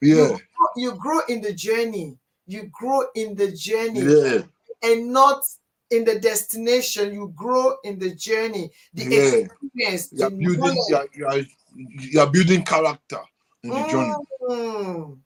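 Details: Adult man born with cerebral palsy affecting brain areas controlling movement and speech, which he attributes to high bilirubin at birth; dysarthria (cerebral palsy).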